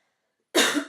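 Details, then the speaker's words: Single short, forceful cough with a hint of throat clearing, from a speaker who says their chest is wheezy but not congested and wants to cough to clear it; snoring-free adult voice recording. "I feel like I want to have a good cough just to clear it all, but"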